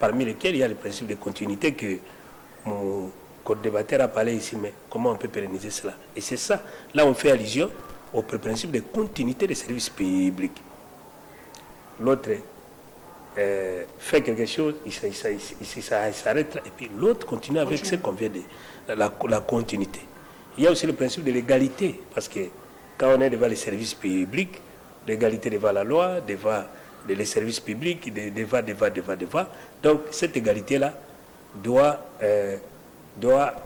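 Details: Stuttering in a male speaker who says he stutters and that listeners sometimes understand him poorly; repeated syllables are heard in spontaneous French speech.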